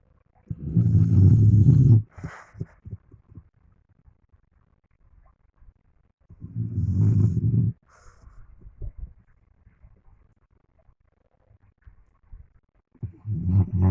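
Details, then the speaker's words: Loud, deep rumbling snores on each in-breath, about every six seconds, with quiet snuffling between, from a deeply sleeping dog; owner thinks it may be having a nightmare. "pero lo más chistoso es que está roncando me parece que es una pesadilla"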